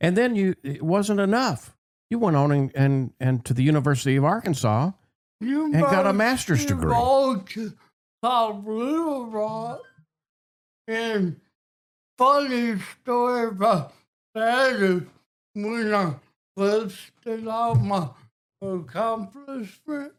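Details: Adult man with cerebral palsy and a speech impediment since childhood; dysarthria (cerebral palsy).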